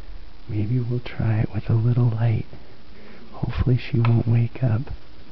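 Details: Grandma snoring on the couch during sleep: loud, rumbling, voiced snores in bursts, several close together then a pause, with faint room noise; heavy snoring.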